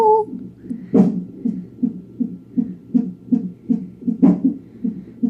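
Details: Fetal heartbeat at 34 weeks of pregnancy on a monitor, heard as fast, regular whooshing at about 160 a minute with two louder jolts from fetal hiccups; normal fetal heart rate.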